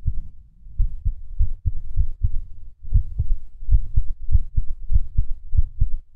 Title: Skippy Heartbeat (4)